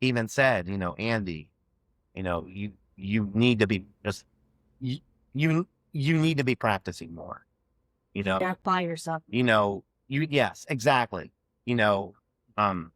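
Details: Adult man who has stuttered since childhood and had years of speech therapy; stuttering.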